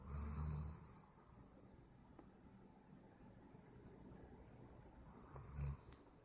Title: My roommate snores.